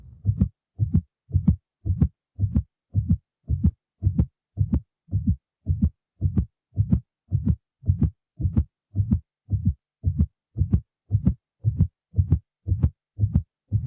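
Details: Simulated intermittent auscultation of fetal heart rate by Doppler during a contraction and for 30 seconds after it: steady, rapid whooshing pulses, counted to a normal baseline rate of 140.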